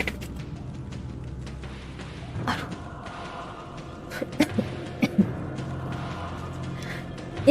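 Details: Streamer coughing after a mosquito flew into her mouth and stuck in her throat: three or four short, sharp throat-clearing coughs over background music.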